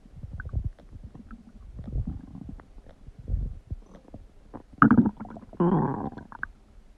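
Low gurgling and rumbling bursts from the belly, some loud and drawn out: ordinary bowel sounds of gas and fluid moving through the gut.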